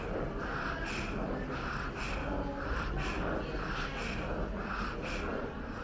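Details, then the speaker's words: Expiratory wheezing in a child, heard when the child breathes out. It is contrasted with inspiratory stridor during a danger-sign assessment for cough or difficult breathing. "Or you may hear other noises when the child breathes out, such as wheezing."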